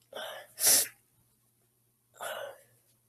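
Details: Person sneezing: a quick in-breath followed by a sharp, explosive sneeze, then a softer breathy sound after a pause; sneezing.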